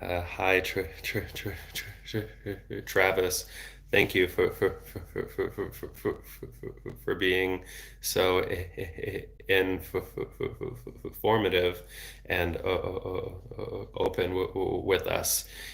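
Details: Adult male speech-language pathologist who has stuttered since age 8, with speech therapy off and on until his early 20s; part-word and word repetitions heard; stuttering.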